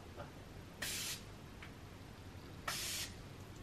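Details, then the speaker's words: Aftercare following rhinoplasty, with the nose washed with saline water: two short hissing sprays about two seconds apart from a saline nasal spray over steady room noise. "so first um i need to wash my nose with the saline water and spray my nose and kind of let all this go down okay so"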